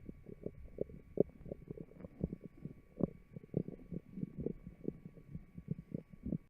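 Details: Stomach growling (borborygmi) in a fit, healthy person, microphone taped to the abdomen: rapid low gurgles and bubbling pops running continuously, with a faint steady hum behind.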